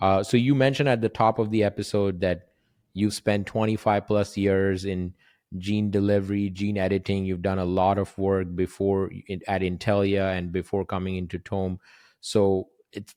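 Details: Adult male speaker; typical speech.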